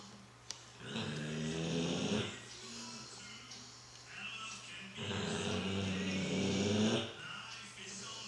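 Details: Sleeping American Bulldog, not dreaming: very loud, rattling snores on each inhalation with snorting, wheezy exhalations between; owner says it can get worse.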